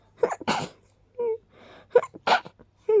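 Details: Person sneezy from pollen tickling the nose, noting the sneezes sound unusual: several quick, small sneezes with soft breathy catches in between, a series of light sneezes.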